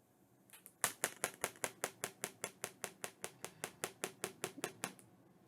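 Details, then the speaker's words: Sharp, regular clicks, about 20 pulses in four seconds, from a radial shockwave therapy device firing: its projectile strikes a metal tip applied against the arm during a demonstration. "aí o projétil ele vai batendo aqui e quando ele bate aqui ele já era uma onda vamos ver como é que funciona o Vou colocar aqui ó e o braço tá ó"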